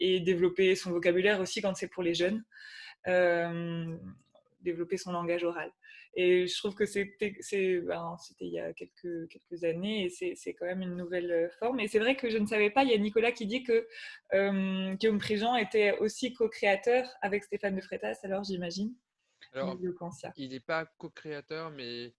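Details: Adult woman speaking French; no disorder.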